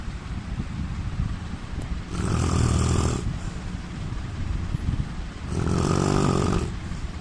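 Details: Indian man snoring: two loud, low, fluttering snores on the in-breath about 3 seconds apart, with quiet breathing between.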